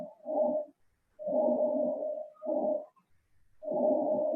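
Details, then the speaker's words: Increased vesicular breath sounds from hyperventilation: loud, rapid breathing heard through a stethoscope, with strong soft rushing sounds on each inhalation and exhalation and short pauses between breaths. "El murmullo vesicular aumenta a causa de la hiperventilación. Se produce durante el ejercicio, en caso de acidosis metabólicas, en las que el paciente necesita eliminar más cantidad de dióxido de carbono de lo normal,"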